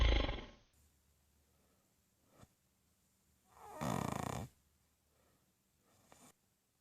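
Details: Adult woman snoring in her sleep in the middle of the night, reportedly worsening and making crazy sounds, though she denies it: one loud, deep, rattling snore with soft breathing noises around it.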